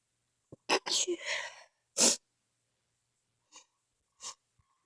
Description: Sneezing fit after being outside. some stiffled some not